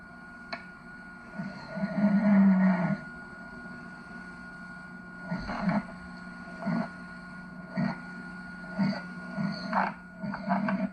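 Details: Repeated rough, low snores, one long and several shorter ones, over steady room hum, from an adult man sleeping in a shared room, recorded in 1989 with some gaps between snores edited out.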